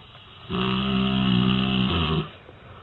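A single long, loud, buzzing rumble on the breath lasting under two seconds, from a sleeping dog; ordinary snoring.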